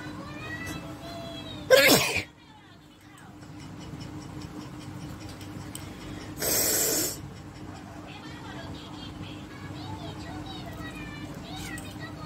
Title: nose sneezing and nose blowing and pinching challenge